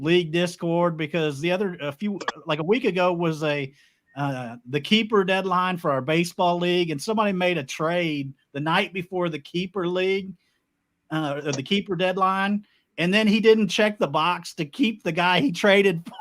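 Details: Adult male speaker; normal voice.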